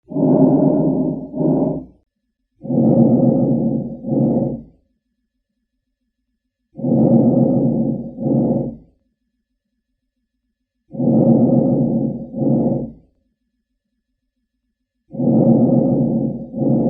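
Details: Rhonchi and wheezing heard on lung auscultation of a smoker.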